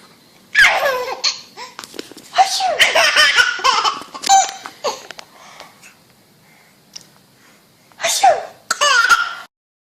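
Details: Mum fakes sneezes and her baby laughs: an adult's pretend sneezes, each followed by the baby's bursts of hearty laughter; the sneezes are imitated, not real.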